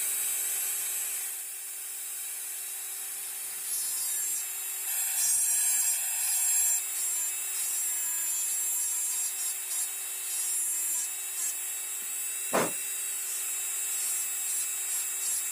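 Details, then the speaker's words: Simulated preparation of mandibular first molar (FDI #36) on a typodont for full veneer crown: steady high-speed handpiece whine with faint grinding, reducing occlusal half of buccal surface with slight lingual tilt. "So now let us reduce the surface. I'm reducing the occlusal half first, and the handpiece has to be slightly oriented with a slight lingual tilt."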